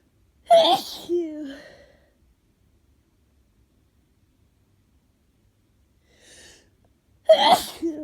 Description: Yet more cold sneezes. Some of these are induced, some are not.